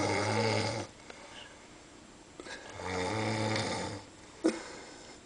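Two loud, low, rattling snores on breathing in, separated by a quiet pause, with a faint click near the end.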